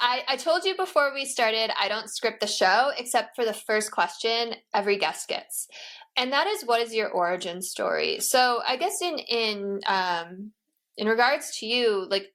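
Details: Adult woman speaking; Normal speech.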